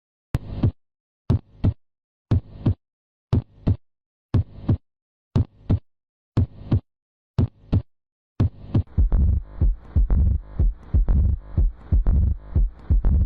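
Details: Steady paired lub-dub heart sounds at about 60 beats a minute, later masked by layered rhythmic sound.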